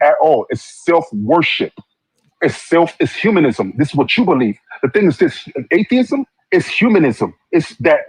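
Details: Adult male speaker; normal speech.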